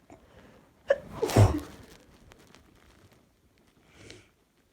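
A short indrawn breath, then one explosive sneeze, then a soft exhale in a quiet room. An ordinary single sneeze.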